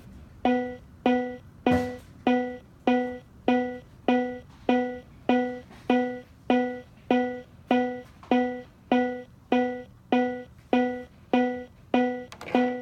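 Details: Cardiac Science Powerheart G3 AED on enhanced settings, compression-only CPR after a delivered shock: steady tonal beeps about 100 per minute, the AED's metronome prompt pacing chest compressions.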